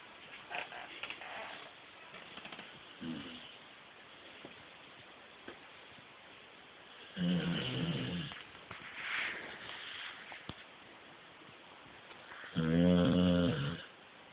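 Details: Puppy asleep: soft, rattly snores at irregular intervals, about 11 a minute, with quieter breathing between; snoring.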